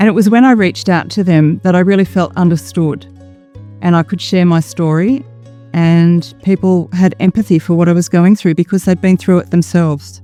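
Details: Adult speaker; Normal speech.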